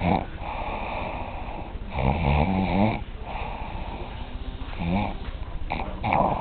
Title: snoring bunkmate...